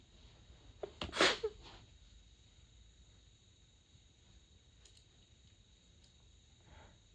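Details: Suppressed sneezing at night, sneezes covered with a light blanket, during a long fit of 32 sneezes: a single sharp, stifled sneeze burst, then quiet room noise with a faint breath.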